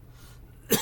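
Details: Adult stroke survivor, stroke in his mid-50s, talking in a quiet room, gives a single short, sharp cough and says excuse me; ordinary isolated cough.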